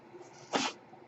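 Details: A single brief puff of airy hiss over a quiet room, the cycling of the speaker's own home ventilator during a podcast recording: a mechanical ventilator.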